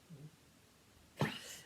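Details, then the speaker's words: Dog coughing indoors; owner says he has been coughing for several days and comes to her for comfort; faint low sound, then a single sharp, harsh cough in a quiet room. "Donc là, vous entendez mon chien qui tousse, le pauvre. Ça fait plusieurs jours qu'il tousse."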